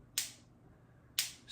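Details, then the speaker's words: Shockwave C2 intravascular lithotripsy balloon at 4 atmospheres treatment pressure in a wet bench demonstration: two sharp snapping clicks about one second apart, slight pressure felt on the fingers, stopping after 10 pulses. "feels a little little pressure on the fingers. Stops after 10."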